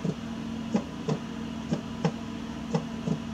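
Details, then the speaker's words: Regular paired lub-dub heartbeats at about 60 beats a minute over a steady low hum; an ordinary heartbeat sound. "no I want to know what an actual heart sounds like heartbeat sound"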